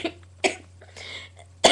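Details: Adult who says they are coughing about every five seconds gives three short, sharp dry coughs, evenly spaced, over a low steady room hum; cough.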